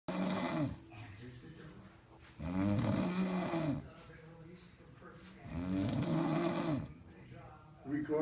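Three loud, rattling snores about 19 a minute, each on the in-breath, with quieter breathing between; ordinary snoring.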